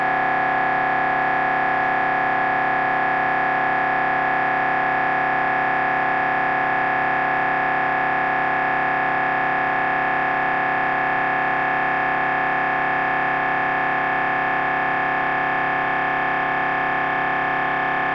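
Loud, steady electronic buzzing drone with fast regular pulsing, typical of an MRI scanner running a brain scan sequence.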